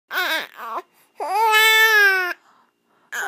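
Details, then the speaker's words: A 7½-week-old infant crying while upset by hiccups: loud, high-pitched wailing bursts with pauses between. "I know you hate those hiccups oh oh you don't like the hiccups I know a I'm sorry I love you"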